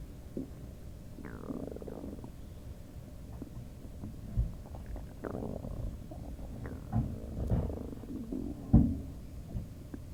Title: Bubble guts?! LOL highly requested stomach noise video-sorry about all the other noises in the back